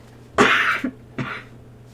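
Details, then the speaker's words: Cough from a person who says they are better but tired of constant coughing, heard during a farming game session; cough. "oh shoot i'm sorry i'm better i'm happy but i get so tired of coughing i can't even stand to hear it myself anymore"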